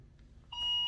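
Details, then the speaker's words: Mindray BeneVision patient monitor high-priority (red) alarm deliberately triggered in a demo: steady, piercing electronic beeping after a quiet moment, also relayed to a smartphone alerting app. "so i'm going to create a red alert you see that the priority is red i'm going to enable it"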